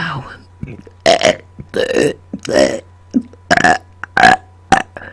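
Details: Deliberate burp-talking after dinner, recorded close to a microphone: a series of loud belches, some shaped into words, with short pauses; repeated voluntary burping on command.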